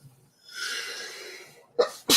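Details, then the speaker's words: Single sneeze during a livestream, followed by "Gesundheit": a hissing burst of air, then a sharp sound. "Gesundheit. That sounded like Haktua almost."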